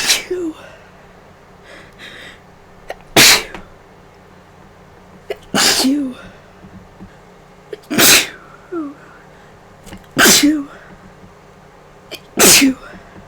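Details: Allergic sneezing after a day around many vases of flowers, with Claritin worn off: five sharp, explosive sneezes in about thirteen seconds, each followed by a short sniff, with heavy nasal discharge.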